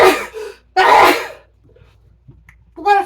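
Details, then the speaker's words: A sudden sneeze from the speaker, who then needs a paper towel, sneezes again and says they are not allergic; sneeze. "me oh my gosh I just sneezed my cuts out hold on let me get a paper towel"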